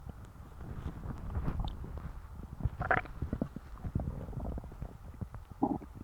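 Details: Stuffed, full stomach growling: low rumbling and gurgling with bubbly pops; ordinary bowel sounds (borborygmi).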